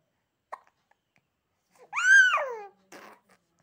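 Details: A baby's brief vocal sound with a few small catching sounds around it, amid laughing; infant hiccups.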